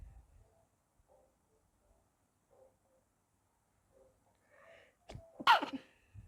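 Quiet breathy lead-in followed by one sharp explosive sneeze near the end in a quiet room.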